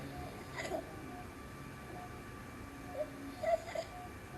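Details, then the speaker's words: Sleeping patient in an obstructive sleep apnoea case showing accessory muscle use and tracheal tug: faint, high-pitched stridor-like squeaks recur about three seconds apart over room hum; laryngomalacia is suspected. "you see the accessory muscle sphincters, brachial tug? Okay, can you imagine yourself breathing like this every night?"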